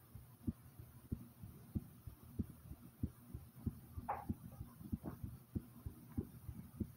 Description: my heartbeat starting slow then rises